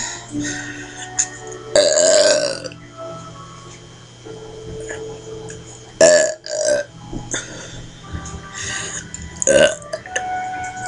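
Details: Burping: several loud, drawn-out burps over background music and faint talk.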